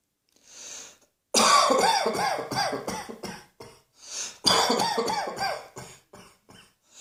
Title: Cross Dressing Coughing 97